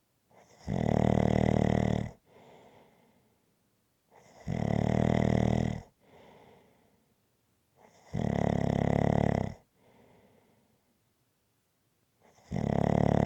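Loud, buzzing snores on each in-breath followed by a quieter out-breath, about every four seconds, very rhythmic; steady snoring.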